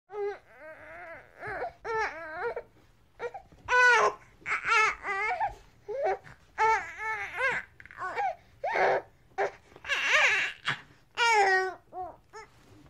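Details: Baby crying loudly in repeated high-pitched wails with short breaths between, an angry, hungry cry; infant crying sound effect.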